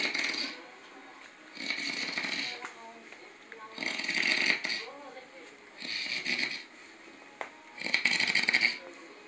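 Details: A man asleep and snoring before being woken by a prank: repeated rough, hissing breath noises, about five in nine seconds, with quieter gaps between them.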